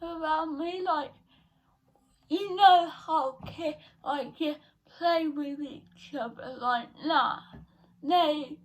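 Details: 17-year-old female with cerebral palsy since birth, diagnosed at 14 months, which she says affects her speech; speech therapy from an early age; dysarthria (cerebral palsy).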